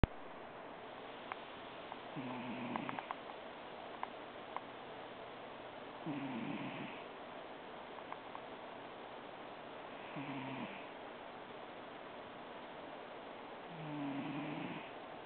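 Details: Sleeping pet with regular soft snoring about every four seconds, roughly 15 breaths a minute; snoring.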